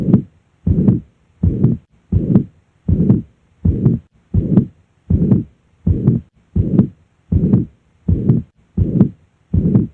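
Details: Mitral regurgitation murmur heard at the cardiac apex on auscultation.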